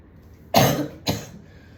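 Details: Two dry, harsh coughs in quick succession, the second weaker, from a woman coughing at home after smoking a cigarette at a party; cough.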